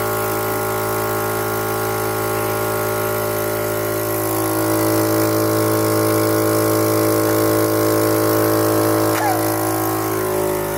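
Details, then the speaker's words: Suction machine clearing a baby boy's snotty nose, about 10 seconds per nostril, removing a lot of mucus: loud, steady motor hum throughout, no crying heard. "well as you can see it was a lot of setup for a very little amount of time that we actually used the suction machine it actually what was it maybe 20 seconds oh yeah 20 seconds maybe 10 seconds per nose and we got out a ton of snot"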